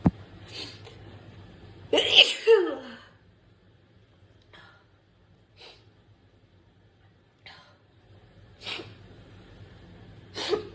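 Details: Sneezing attack with nose blowing and some coughing: one loud, explosive sneeze preceded by a sharp intake, then several quieter sniffs and sneeze-like bursts; sneezing.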